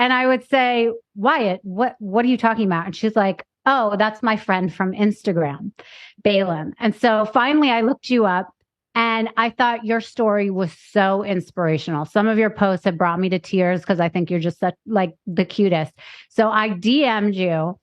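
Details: Adult woman speaking; Normal speech.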